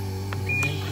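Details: A single short electronic beep over a steady low hum: an Inogen One G5 portable oxygen concentrator, running on a replaced battery, confirming a plus-button press to raise the oxygen setting.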